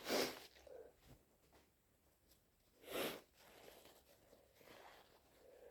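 Two loud, wet sneezes about three seconds apart, with faint sniffling between them, in a quiet room.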